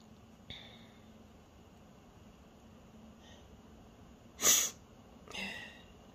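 Quiet room with a few short, sharp bursts of air, one louder than the rest; small stifled sneezes.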